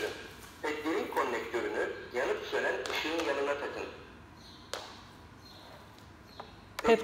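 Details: An AED, just switched on during an infant defibrillation training demonstration with pads front and back, speaks a short voice prompt, then gives faint high beeps.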